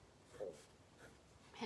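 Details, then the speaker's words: Faint, brief gurgling squeaks of an adult's stomach growling at lunchtime: ordinary hunger borborygmi, a normal gut sound. "you hear my stomach growling it is lunchtime"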